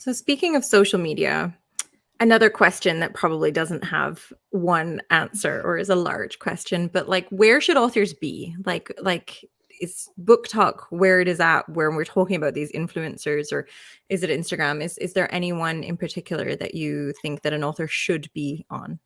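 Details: Adult woman speaking; ordinary speech.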